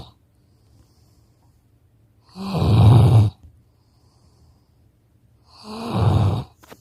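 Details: Two loud, rough, rattling snores about three seconds apart, with quiet pauses between, from a sleeping male puppy lying against his owner on a couch.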